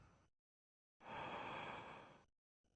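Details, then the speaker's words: Normal breath sounds heard on chest auscultation during a respiratory examination as the patient takes deep breaths in and out through an open mouth. "please could you take deep breath in and out with your mouth open most of the sounds reaching the chest wall are best heard with the Bell"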